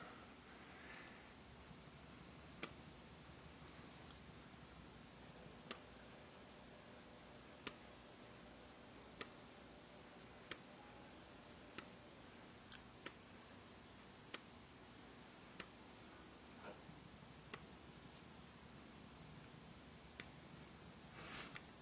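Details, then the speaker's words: petMAP veterinary blood pressure device on a cat named Barney: cuff deflates in steps with a faint steady hiss and about thirteen regular soft clicks, one every 1.5 seconds. "once the device is secured on my finger I simply squeeze the bulb and I'll take it up to 250 which is a good starting point and we'll watch it come down in steps as it makes its measurement"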